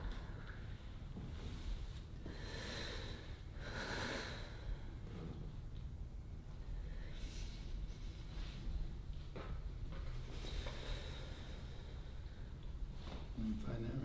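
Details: Patient during a light-touch chiropractic adjustment with emotional release, breath shifting from frustration to anger to sadness; several forceful, noisy nasal breaths and snorts every few seconds over a steady low rumble and faint music.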